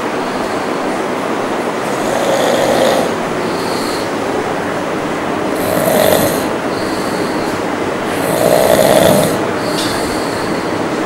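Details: Two men snoring: three loud, rough breath sounds about three seconds apart over a steady hiss, at roughly 20 breaths a minute.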